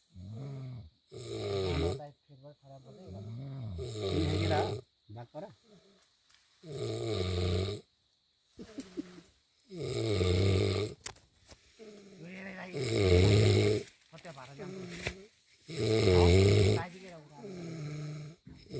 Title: Snoring while sleeping🤣🤣 #shortsnepal #funny